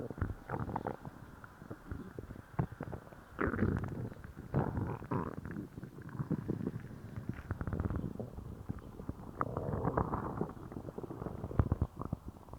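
Loud, repeated gurgling and rumbling bowel sounds throughout, consistent with active stomach growling after a laxative.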